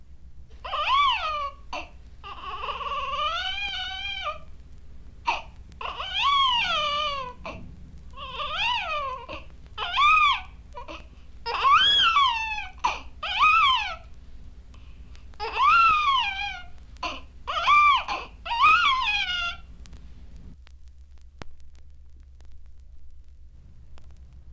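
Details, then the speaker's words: Repeated shrill, high-pitched, laughing infant cry bursts with wavering pitch over a low background hum: the abnormal high-pitched cry of a cerebrally damaged infant with hydranencephaly. "Cerebrally damaged infants have long been known to have a high-pitched cry. It should be noted that children with conictorous acidosis, hypoglycemia or cereble infections such as menitis also commonly have high-pitched cries."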